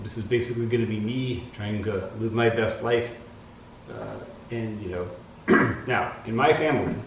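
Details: Adult man with the rare genetic Huntington's disease, affecting his speech and thinking and slowing him; in an experimental drug trial (drug or placebo unknown), about halfway through as of November 2019; dysarthria in Huntington's disease.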